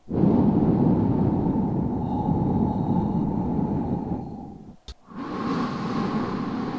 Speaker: so first off normal breath sounds